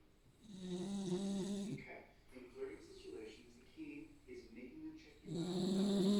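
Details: Staffordshire Bull Terrier dog snoring while asleep.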